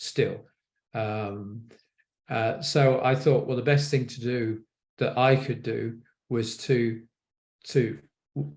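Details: An adult man with aphasia after a stroke; aphasia.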